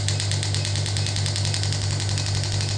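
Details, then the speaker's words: Pneumatic radial shockwave therapy (ESWT) applicator firing, demonstrated on the operator's hand as intensity and frequency are increased (up to 20): rapid steady mechanical tapping with low motor hum. "So now I am going to start the device. You can see this is the applicator start. Uh I'm reducing the intensity first. Now I will start the same. You can see I'm taking the same on my hand. Increase the intensity frequency."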